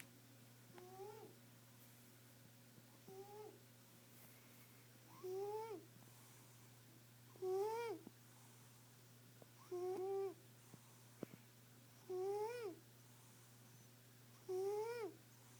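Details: Snoring from a sleeping female cat, said to be fine: short, whistling squeaks with each breath, about 26 a minute, over a steady low room hum.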